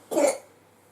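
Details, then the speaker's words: Cough from a young son in the corner of a room after he would not settle down upstairs. "You can hear my youngest coughing in the corner because he wouldn't settle down upstairs."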